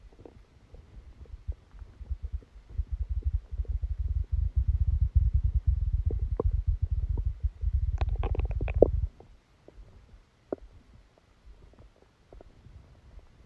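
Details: Stomach sounds recorded during a stomachache after Christmas dinner while the person slept: loud, prolonged low gurgling and rumbling, then quieter scattered gurgles; active bowel sounds.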